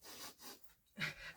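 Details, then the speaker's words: Quick hissing sniffs through the nose, a few short airy bursts, from an adult with seasonal spring allergy and sinus congestion: nasal sniffing. "It is the season is the season to be sneezing. Springtime comes with Poland. Poland comes with allergies. And you will hear me do this in my nose"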